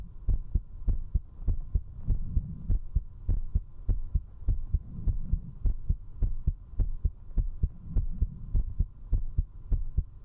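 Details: Strong, steady heart thumps at about 100 beats a minute, recorded at zero distance with a 3Dio binaural microphone from a young woman while she drinks alcohol: a fast heartbeat after drinking.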